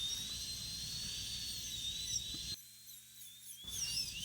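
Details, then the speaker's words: High-pitched dental drill whine, briefly stopping then restarting: 11/16.1 diamond bur, 1 mm diameter, used for occlusal reduction starting at the mesiobuccal occlusal plane in full metal crown preparation of upper molar #15. "Using the burr as a guide, the 11/16.1 diamond burr with a 1 millimeter diameter."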